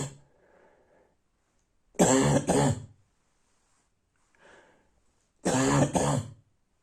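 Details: Barking cough at night: two bouts of harsh, hoarse, voiced double coughs in a quiet room.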